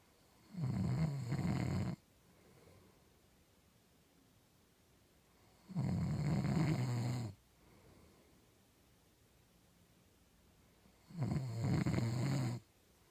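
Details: Loud rattling snores on each in-breath, about every five and a half seconds (roughly 11 breaths a minute), quiet exhalations between, from a sleeping man: snoring.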